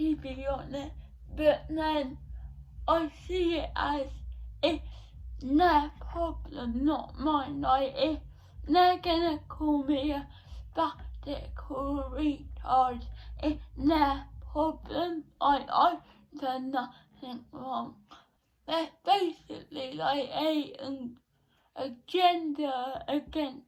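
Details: Female who says listeners may not understand her; dysarthria (unclear speech).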